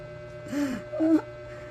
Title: 4th in his usual sleeping position and snoring..